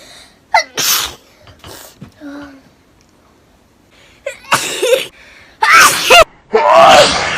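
Several sharp sneezes with quick in-breaths and brief voiced catches before them. A run of repeated sneezing.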